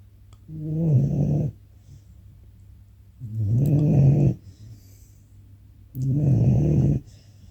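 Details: Snoring in a 19-week-old puppy fast asleep in a recliner: loud, low rumbling snores on each breath, roughly 22 a minute, in a quiet room.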